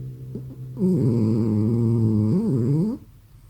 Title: Cute French Bulldog Snores and Farts!